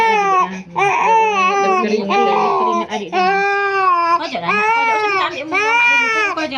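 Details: An infant cries during traditional baby massage given for a sprain, cough, cold and fever: sustained, loud, tonal wailing in long bursts with brief catches of breath.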